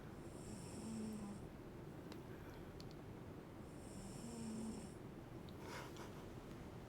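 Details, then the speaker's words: Pet cat snoring loudly while asleep: soft, rhythmic snores, about two breaths over seven seconds, with a humidifier humming in the background. "kept snore is loud like there's definitely sometimes i wake up and i'm like is that steven or kepler yeah yeah it's kepler a lot of the time it's kepler"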